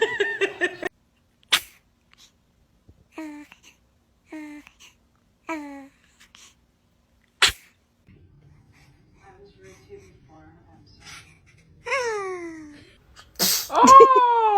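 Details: Infant sneezing repeatedly: several sharp sneezes with small voiced squeals between, and adults laughing.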